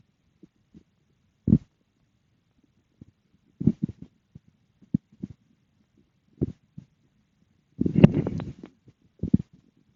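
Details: Stomach growling after eating dinner: irregular low gurgles and rumbles with one longer growl; normal bowel sounds.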